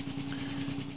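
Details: SensorMedics 3100A high-frequency oscillatory ventilator running at about ten beats a second: a steady machine hum with a rapid, even fluttering pulse.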